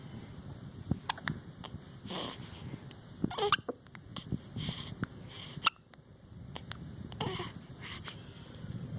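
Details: Hiccups at around 11pm: repeated short, abrupt catching sounds at irregular intervals, about one every two seconds, with some babbling.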